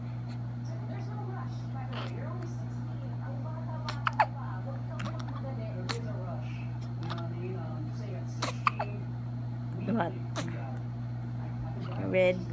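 Brief sharp gulping hics recur irregularly over a low steady hum, with faint whispering; hiccups.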